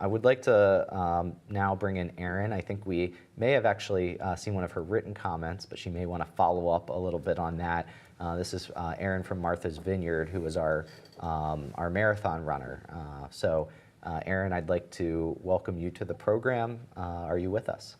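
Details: Adult man, moderator; normal voice.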